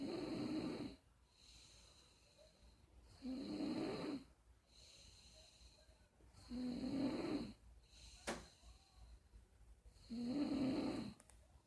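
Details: Steady, rhythmic, rattling snores at about 18 breaths a minute, each lasting about a second, with quiet pauses between; snoring.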